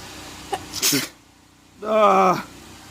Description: Sneezing fit at work is the worst